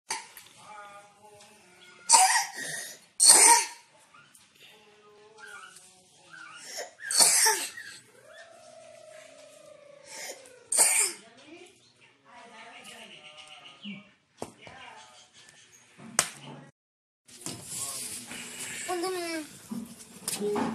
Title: Home remedy for dry cough